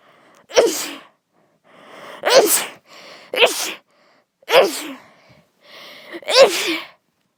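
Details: Allergic sneezing from a flower: five sharp sneezes in quick succession, each preceded by a short in-breath.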